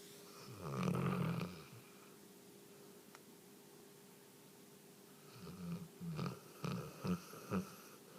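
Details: 3-year-old female Newfoundland dog asleep: a loud, rough, low snore on a breath, a quiet pause, then a run of shorter snorting snores.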